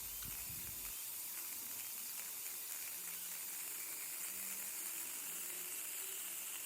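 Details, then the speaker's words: Professional dental cleaning after braces removal to take off leftover bracket glue, teeth sensitive: dental instrument's steady high-pitched hiss with faint whine and rattling. "And next thing, there is this person drilling inside and doing all those things, and my teeth became so sensitive, so it was quite unpleasant."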